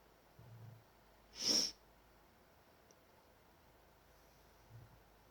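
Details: A person with a bad cold gives odd sneezes: a single sharp, hissing sneeze burst with soft breaths before and after in a quiet room.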